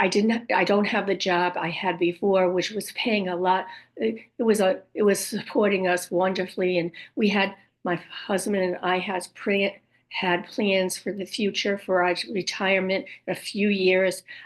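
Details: Aphasia with apraxia of speech in a woman after a stroke at age 58; she reports her speech is sometimes hard to understand, with repeated words and sometimes wrong words.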